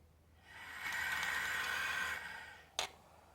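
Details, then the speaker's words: Nursing-class demonstration of incentive spirometer use: a slow, steady airy inhalation through the mouthpiece lasting about two seconds, holding the ball up, then a brief click; a sustained deep breath for lung expansion. "जब तक हम air को खींच रहे हैं या खींच के रोके हैं तब तक ये बॉल ऊपर रहेगा। जैसे आप कैपेसिटी खत्म होगी तुरंत ये बॉल नीचे आ जाता है।"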